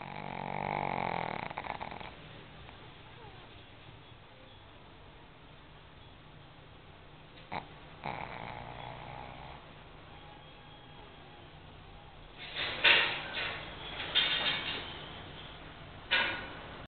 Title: CUTE SNORING PUG (TOFFEE)...ngorkkkkkk...